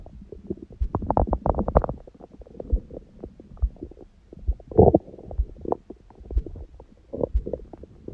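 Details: Bowel sounds: frequent low gurgles and rumbles in irregular bursts after an ab workout and a large first meal at 16:00, following water only since 19:00 the previous day, on a raw-food diet.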